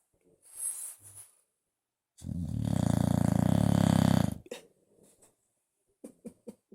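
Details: Bulldog snoring during a nap on owner's lap: a long, loud, low rattling snore about two seconds, with fainter snorts and brief nasal puffs around it.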